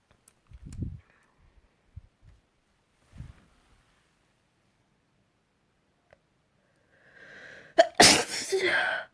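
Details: Spring sneeze: soft breaths and sniffs, then a rising intake and one loud, forceful sneeze near the end; a normal sneeze.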